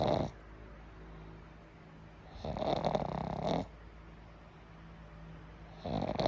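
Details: Boy snoring very loudly: loud, harsh snores about every three seconds with quiet pauses between, roughly 20 breaths a minute; heavy snoring.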